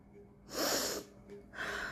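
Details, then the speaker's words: Acted comedic sneeze: a sharp, hissing burst of breath like a single sneeze, then a softer puff; sneezing. "Different ways of sneezing. Achoo!"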